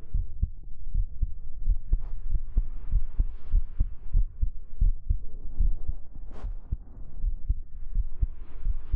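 Steady low thumping heartbeat, roughly 80 beats a minute, heard close up with soft fabric rustle.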